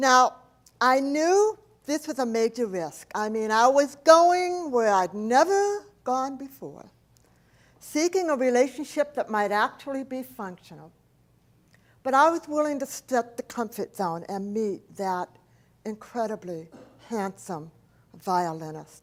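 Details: Adult woman, profoundly hearing-impaired since age four after a 106-degree fever destroyed about two-thirds of her hearing; deaf speech (speech of profound hearing loss).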